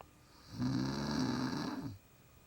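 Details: Adult woman napping on a couch: one long, loud, rumbling snore on breathing in, her snoring building up and growing louder the longer she sleeps; snoring.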